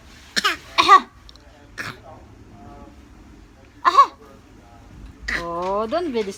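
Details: Infant gives about four short, voiced, deliberate cough sounds, then brief babbling: a harmless voluntary fake cough.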